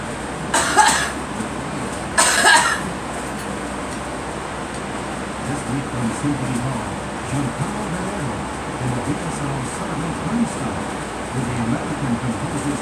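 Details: Two harsh coughs from a girl over steady rumbling train noise, with faint background talk; coughing.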